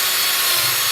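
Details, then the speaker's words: Orthopaedic power drill with a CingleBit radius-point three-fluted bit drilling at an angle: a brief harsh grinding hiss, drilling faster than a competitor bit. "so placing the drill at an angle activating the power device"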